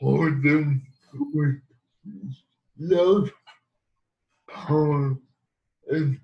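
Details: Dysarthric speech in cerebral palsy in an adult man living with the condition.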